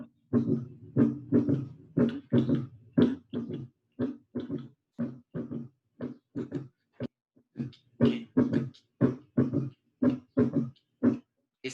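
Regular low-pitched heartbeats, each with an extra soft thud just after the second sound, giving a three-beat gallop rhythm: a third heart sound (S3).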